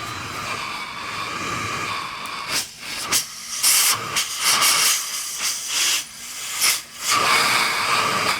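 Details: Nearly five-year-old ResMed CPAP machine whining on the inhale stroke, worsening over about a month; suspected dirt or fouling on the turbine blades. Steady airflow hiss with a faint high whine surging with each breath cycle.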